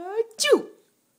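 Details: A single sneeze that makes someone laugh: a rising voiced 'ah' intake, followed by a sharp, hissy 'choo' burst that trails off quickly.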